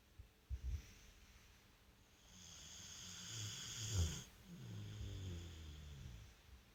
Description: American bulldog haveing a good snore